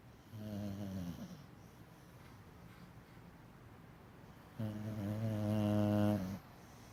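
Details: Two loud, low buzzing snores separated by a pause, the second longer and stronger; snoring.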